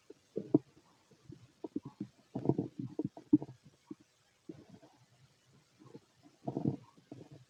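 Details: Irregular gurgling and rumbling bursts from an empty stomach: ordinary active bowel sounds (borborygmi).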